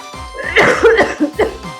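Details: Adult real estate agent coughing during cold and flu season: a burst of several harsh, rapid coughs, with music in the background.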